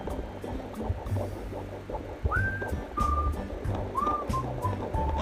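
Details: Fetal heartbeat on a handheld fetal Doppler used at home, possibly twins: rapid, regular whooshing pulses over low rumbling.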